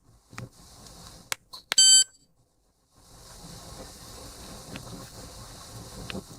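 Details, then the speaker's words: ThermoGlide thermal ablation training demonstration of cervical lesion treatment: a few clicks and a short beep as the activation button is pressed with the probe held against the lesion, a pause, then a steady soft hiss as the probe heats. "I will now place it against the lesion in the area that I want to treat while holding it steady in place I will hit the activation button again so the unit begins to heat"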